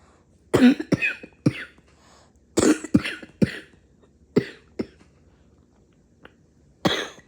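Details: Mid-morning coughing: repeated harsh coughs in clusters of two to four with brief gaps between bouts; coughing fit.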